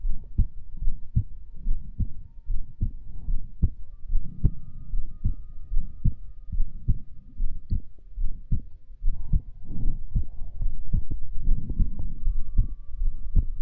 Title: ASMR Heartbeat Sounds and More | Heartbeat ASMR #37